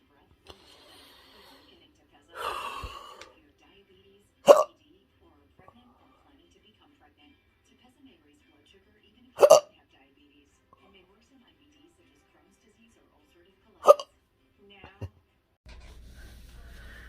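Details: Intractable hiccups, part of an Oct/Nov 2022 episode with choking spasms, in a patient in a cancer study: sharp, abrupt hiccups about every five seconds, a brief breathy sound before the first.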